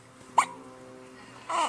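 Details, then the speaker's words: Two brief, sharp, squeaky catches about a second apart with faint room noise; hiccups. "Alex has the hiccups. Did I get a raise? See, he's a little squeaker. Ooh, big one."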